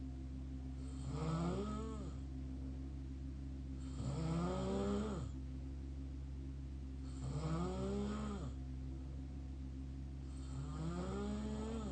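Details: Mouth snoring during sleep: four slow, rhythmic, open-mouth snores with a throaty, vibrating tone, roughly 20 breaths a minute, over a steady background hum.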